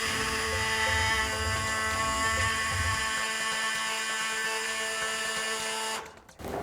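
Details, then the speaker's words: Simulated total hip replacement on a model (sawbone) bone: steady high motor whine with buzzing vibration from an electric surgical saw cutting away the damaged bone, then stopping. "자 그다음 무서운 장비가 하나 나왔습니다 톱이에요 진짜 전기톱 손상된 뼈입니다"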